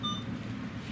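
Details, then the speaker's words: A brief high electronic beep over room hum: the Alaris infusion pump's infusion-complete alarm. It sounds after a 25 mL flush following chemotherapy, before the channel is turned off and the chemotherapy is disconnected. "Once the flush is completed and you're getting that infusion complete alarm, you can go ahead and channel off your pump"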